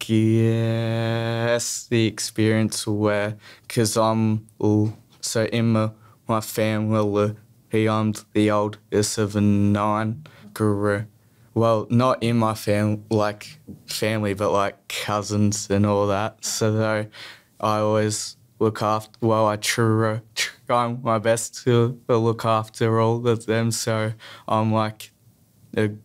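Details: Stuttering in a young male who stutters.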